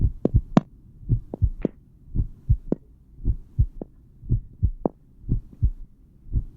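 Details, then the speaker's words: Steady paired lub-dub beats with only two heart sounds repeating per cycle, a physiology lecture example; normal heart sounds S1 and S2. "وزي ما سمعنا كده تقريبا مفيش غير صوتين هما اللي بيتكرروا معايا طول الوقت، لب دب لب دب لب دب، بهذا الشكل الإيقاع ده مستمر معايا."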